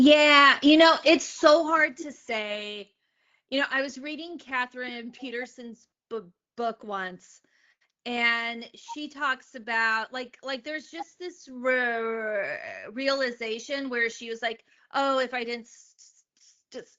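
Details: Adult woman, a comedian, who has stuttered since age eight and speaks openly about it; real stuttering.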